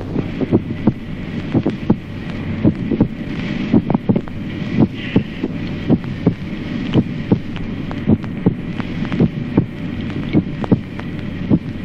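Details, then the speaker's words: Teaching recording of a normal adult heart: regular paired sounds at about 55 beats a minute, a dull first sound and a clear second sound: normal heart sounds. "ejemplo primero signos auscultatorios normales en el adulto primer ruido sordo segundo ruido claro"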